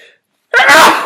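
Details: Simulated sneeze from a woman acting a CEO in a staged company-meeting skit, with repeated sneezing fits: a moment of silence, then one loud, explosive, breathy sneeze.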